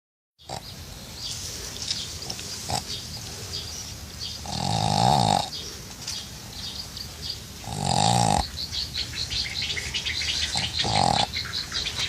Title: Funny pug snoring